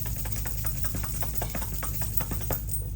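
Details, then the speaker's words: Demonstration of chest physiotherapy percussion on a child's chest over the most congested lung: rapid, steady, hollow cupped-hand clapping at about five claps a second to loosen secretions. "You are banging on this kid's chest and you must hear it cuz again, you're in band."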